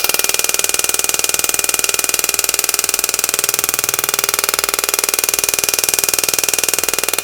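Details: Extracorporeal shock wave therapy handpiece (Shockwave Pro) with tip 5 on a cellulite preset of 2500 impacts, 10 Hz and 100 mJ, demonstrated on the operator's own thigh with ultrasound gel and described as painless. Rapid, perfectly regular mechanical tapping at about ten pulses a second.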